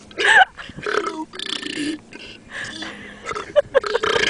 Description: Burping the alphabet at gordens well.